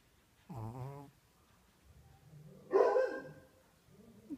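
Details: Sleeping Shih Tzu snoring: a buzzy, wavering tonal snore followed by a louder, rougher snort-like breath.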